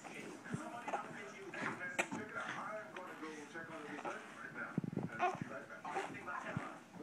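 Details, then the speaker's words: Infant boy fussing and whimpering between several short, sharp catches of breath, seemingly angered by his hiccups. "Oh, you've got the hiccups. And it's making him mad."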